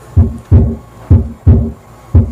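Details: Heart sounds picked up through a mobile phone: regular paired low thumps, a crisp lub-dub at about 63 beats a minute with a quiet pause between beats. Normal heart sounds.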